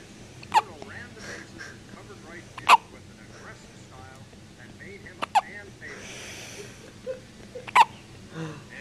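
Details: Four sharp, brief hiccups spaced a few seconds apart from a newborn baby girl, with soft background talk; ordinary newborn hiccups.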